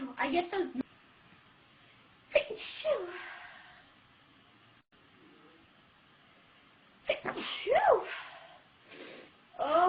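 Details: Two sneezes several seconds apart from a young woman who announced she was about to sneeze, with brief talk before them and quiet between.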